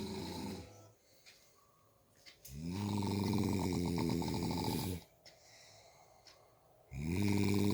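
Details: Father snoring heavily: loud, deep rumbling snores with a fluttering rattle, three heard with quiet exhalation pauses between, about 14 breaths a minute.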